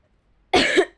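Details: A single short, sharp, fairly dry cough from a girl who says she is sick.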